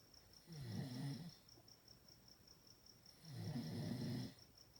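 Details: Snoring in a sleeping Chihuahua: two low, rattling snores about two and a half seconds apart over steady insect-like background chirping.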